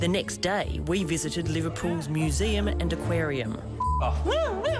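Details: Adult narrator; typical speech.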